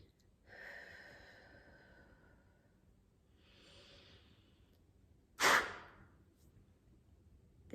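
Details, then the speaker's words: Peak flow meter demonstration for asthma or COPD monitoring: two breaths in to fill the lungs fully, then one sharp, hard, short blast out; forced expiration to measure peak flow. "your lungs can feel fully and then you're going to blow out hard and fast so you see where it goes there"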